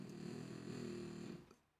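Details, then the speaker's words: Female pet dog snoring in the background during a live coding session: a drawn-out, rumbling snore from the sleeping dog that fades to quiet, with the owner talking over it. "can you hear my dog snoring she's so funny she cracks me up"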